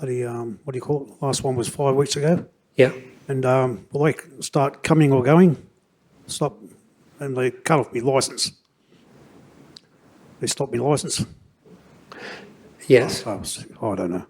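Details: Adult stroke survivor with post-stroke aphasia, about six post-stroke seizures (last one five weeks earlier), driving licence revoked; neurologist states the aphasia is audible; aphasia.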